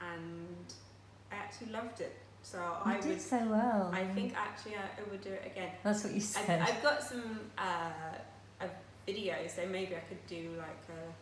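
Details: Aphasia after a stroke 10 years ago at age 18; she still finds speech and reading difficult and says her speech is not perfect.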